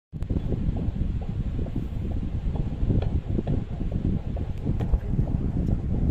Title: Hearing our baby's heartbeat using #fetal #doppler #fetalheartbeat #heartbeat #baby #womb